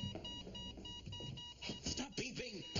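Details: Scripted sitcom hospital scene, not a real patient: steady repeating electronic beeps from a bedside monitor as the patient character worsens and a doctor is called, with voices and music over them.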